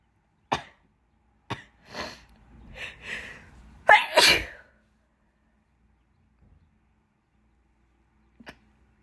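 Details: Several short stifled sneezes, then one louder wet sneeze in a quiet room, from a person with an itchy nose during bad pollen season.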